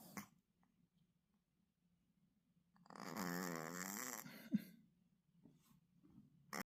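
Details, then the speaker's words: Sleeping female cat snoring: one soft, buzzing snore lasting just over a second in a quiet room, followed by faint breathing; snoring. "배워가지고 코를 그렇게 갈고 자면 나는 어떻게 하라는 거야?"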